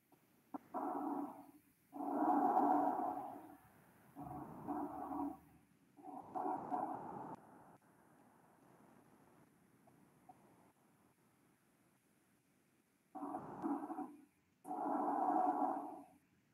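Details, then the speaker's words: Breath sounds heard with a stethoscope in a respiratory semiology class, described as nearly normal vesicular: loud, hollow, harsh breathing in both inspiration and expiration. Normal tracheobronchial breath sounds. "est es bur vesicular casi normal no prácticamente eso es lo que normalmente escuchamos m vesicular normal"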